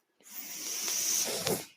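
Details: A podcast host's own mechanical ventilator runs audibly in the background while he speaks: mechanical ventilator sound.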